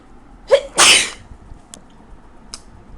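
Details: Person with a very bad cold, sick, at 3 a.m.: a quick inward gasp followed by one loud, explosive sneeze, then quiet.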